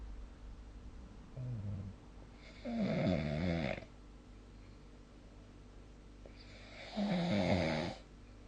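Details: Snoring sound recorded with the SnoreLab snoring-recording app.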